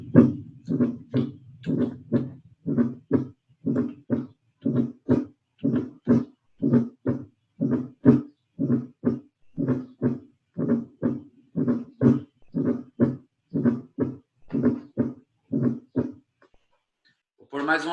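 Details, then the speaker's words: Fourth heart sound (atrial gallop): regular low heartbeats about 60 a minute, each with an extra soft sound just before the first heart sound. "Hipertensão arterial. Então, paciente hipertenso pode ter esse quarto ruído. Pode ter o quarto ruído."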